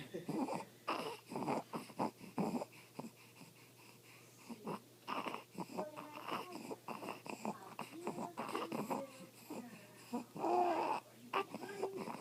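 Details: Infant's noisy breathing with harsh, high-pitched squeaking breath sounds; stridor.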